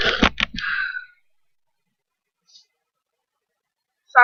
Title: Sneezing with my eyes closed haha : REQUESTED VIDEO